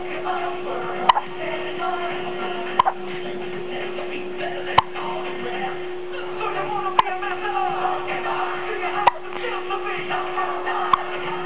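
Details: Little girl with hiccups after eating: six sharp, brief hiccup clicks at regular intervals of about two seconds, over a television playing music and dialogue.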